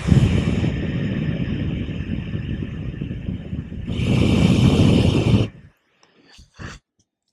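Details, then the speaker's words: Person with a tracheostomy on a positive pressure ventilator with heated humidifier: two whooshing forced breaths pushing high pressure to expand the lungs, steadier airflow between, soft valve clicks, then pressure drops (not to zero) for passive exhalation. "this ventilator is called a positive pressure ventilator what this means is it pushes high amounts of pressure into my lungs"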